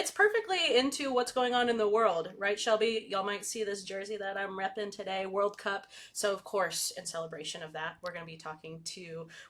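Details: Adult female speaker; normal speech.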